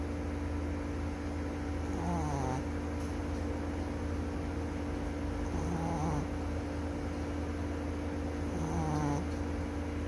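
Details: Sleeping chihuahua snoring: three short, high-pitched whistling snores about three seconds apart, roughly 20 breaths a minute, over a constant hum.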